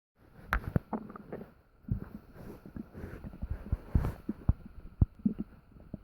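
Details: Stomach noises heard in the middle of the night while still digesting dinner; very active bowel sounds (borborygmi).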